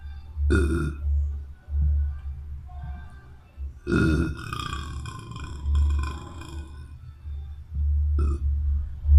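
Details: A boy burping: several deep, rumbling burps, about three clear belches in nine seconds, over a steady low background hum. Repeated burping.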